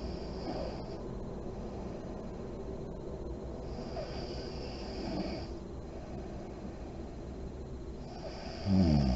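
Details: Sleeping mother in deep REM sleep, lights on: steady low rattling breathing noise with slow breath cycles and a louder snort at the end; snoring.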